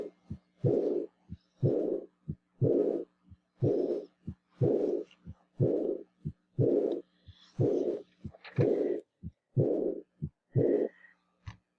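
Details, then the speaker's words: Teaching recording for abnormal heart auscultation: regular heart sounds near 60 per minute, each followed by a soft blowing regurgitant murmur early in diastole, an early diastolic regurgitant murmur. "entonces este es un soplo proto diastólico y de regurgitación si escucharon que era como la regurgitación"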